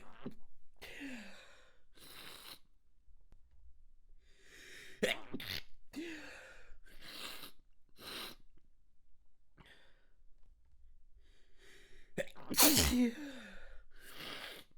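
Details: Several sharp, choked sneezes, manually induced, with quick breaths and gasps between, held back rather than fully released; stifled sneezing.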